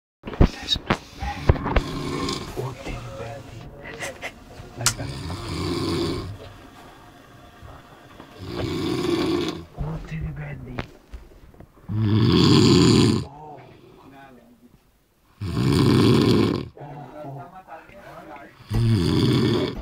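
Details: Loud, rough, low snoring about every three to four seconds, with quieter breaths between and some background clatter, after a cancelled match and a few drinks; heavy snoring.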